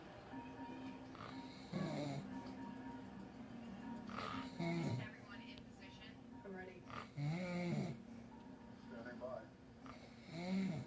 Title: Sleeping Boyfriend Part 4 - Funky Snore